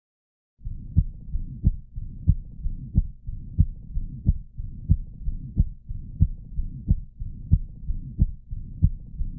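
Sharp, clicking heart sounds with a continuous rough murmur filling the gaps: a systolic murmur across a prosthetic valve.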